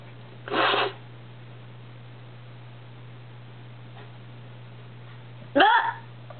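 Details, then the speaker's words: Two abrupt, sharp hiccups about five seconds apart over steady background hum, in a person with persistent hiccups that continue despite breath-holding and other remedies. "even when I try to hold my breath they still come [Music] up see so that never works"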